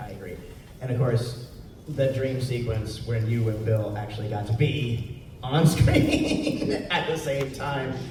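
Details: Adult male; typical speech.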